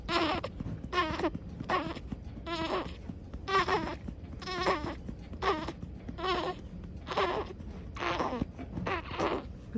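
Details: Infant, day 104, around feeding and burping: rhythmic, repeated crying bursts, about a dozen in ten seconds; infant crying.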